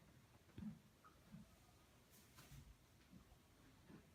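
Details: Quiet room hiss broken by a few soft, low, irregular gurgles heard by stethoscope on a horse's flank during a health check: normal gut sounds showing healthy bowel movement.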